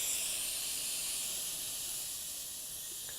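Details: Soft continuous high hiss, gradually easing in loudness, of gas flowing through a Vortran GO2VENT single-use portable ventilator connected to an oxygen tank.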